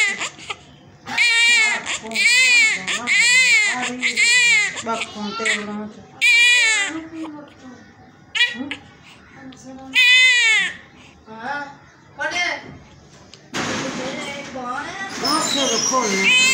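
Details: Loud, rhythmic bursts of high-pitched crying with short breaths between cries; a vigorous cry from a newborn just after normal vaginal delivery.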